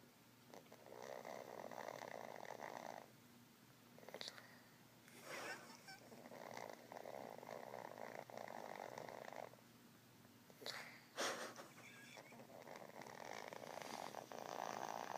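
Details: A small dog ("Chiwowwow") snores with rough, fluttering sounds repeating every few seconds; snoring.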